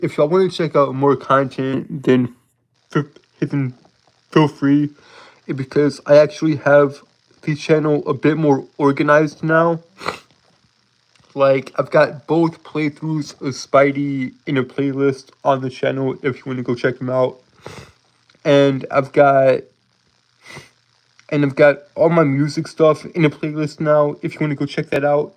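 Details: Adult man with a speech impediment present since birth, who says he holds syllables rather than repeating sounds; stuttering (prolongations and blocks).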